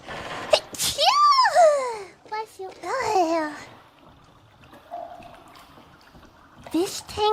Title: Sneezes 93-94